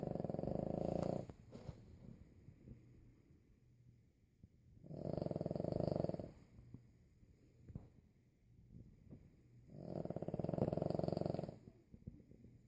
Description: My 25 pound Boston terrier snores louder than a grown man!